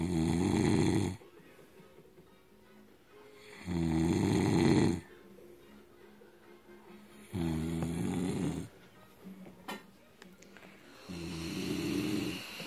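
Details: Husband asleep after drinking a lot of alcohol: loud, throaty, vibrating snores about 16 a minute, quiet gaps between, faint background music; snoring.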